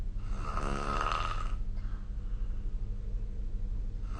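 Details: Snoring during sleep recorded with the SnoreLab smartphone app: one loud, rough, rattling snore on a breath in, then quieter breathing against a steady low room hum.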